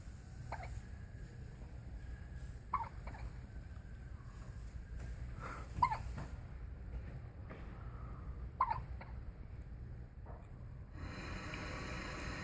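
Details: Infant twins alternating hiccups: repeated soft, sharp hiccup sounds at irregular intervals, roughly 20 a minute, over a low background rumble.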